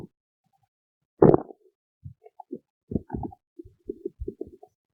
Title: stomach growling